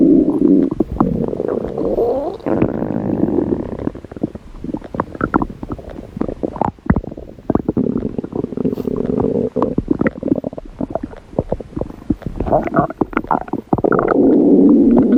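Gurgling, rumbling bursts with rapid irregular pulses over several seconds, a normal stomach growl from gut movement.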